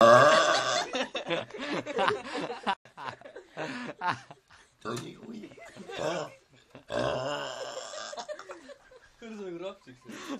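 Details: Belching: voiced, drawn-out burps mixed with laughter and talk, while having fun.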